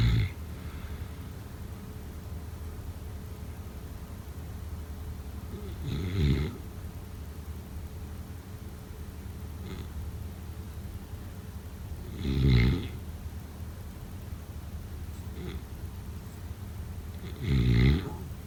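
Slow, irregular low rattling snores, about three over eighteen seconds, with quiet breathing between them. This is snoring during sleep.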